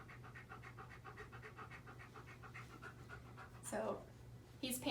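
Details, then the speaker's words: Nervous dog with normal temperature (101.1°F) and heart rate (90 bpm) panting steadily and rapidly, heard by stethoscope over the lung fields, about one breath per second, respiratory rate 60 per minute, normal when nervous. "um but it was approximately breath per second so that would be a respiratory rate of 60 BPM or 60 breaths per minute normal if they're nervous"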